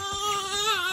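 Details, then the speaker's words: One of 3-week-old newborn twins, who are crying and feeding more often at this stage: a brief, high, steady-pitched wail, an ordinary infant cry. "they are three weeks old so they're going through a cross for right now so they are crying more often and eating and it was just kind of messy"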